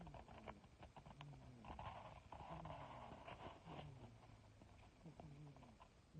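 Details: Sleeping cat snoring before she wakes: soft, repeated low rumbling breaths, muffled by a faulty recording; snoring.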